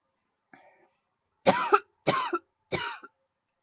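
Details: Person with a huge throat tickle coughing repeatedly: a short throat sound, then three dry coughs in quick succession; tickly, irritative cough.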